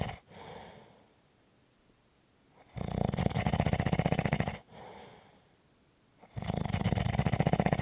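Loud rattling snores on each in-breath with quiet out-breaths between, about two breaths in eight seconds; snoring.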